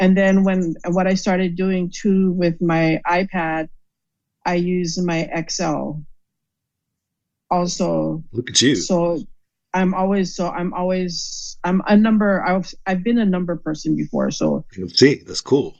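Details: Aphasia caused by stroke, in an adult woman.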